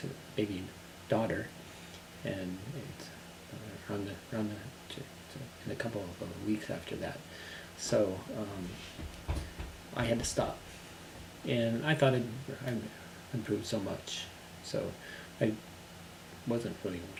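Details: Adult man recovering from global aphasia who has returned to work: global aphasia (recovering).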